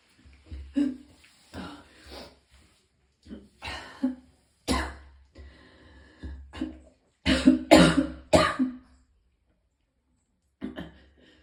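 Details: About a dozen harsh coughs and throat-clearing bursts in short clusters with gaps between them, from a person in extreme pain who vomited several times; repeated coughing bouts.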